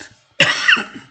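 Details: Teacher coughing during a class lecture, attributing it to an allergy that appears every winter and saying it is not COVID: one abrupt, harsh, dry cough burst after a brief pause; cough.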